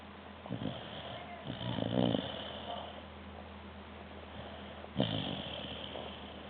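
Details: Sleeping dog snoring: rough, rattling breathing noises with a few irregular snorts over several seconds.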